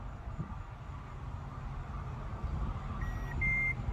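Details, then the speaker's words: Two short high beeps over low rumbling noise from a handheld Medtronic symptom activator for an implanted loop recorder; the light turns green to mark a symptom, and the recorder saves the preceding 7 minutes. "When it turns green, that means that you just told the machine that you're experiencing something, and then it starts."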